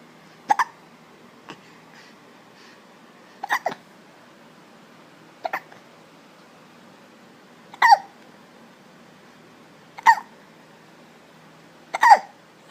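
Six sharp hiccups in about 13 seconds, coming roughly every two seconds in a quiet room.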